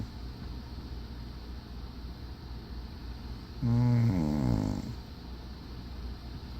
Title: Aunt snoring.**!